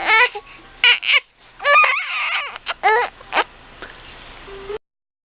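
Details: Infant with hiccups, squeaky when mad: short high-pitched squeaky cries and whimpers in several bursts with brief pauses; infant cry.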